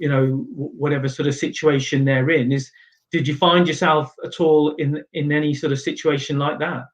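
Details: Adult speaker, interview question; normal speech.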